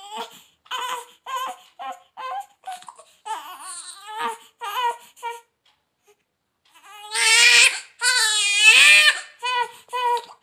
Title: beautiful & healthy new born baby girl with first cry look #newbornbaby #justnewbornbaby